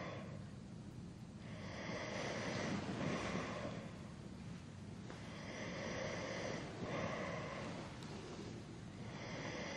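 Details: Adult male snoring during sleep, 3-hour recording: rhythmic rough breathing noises rising and falling with each breath in a steady sleep pattern.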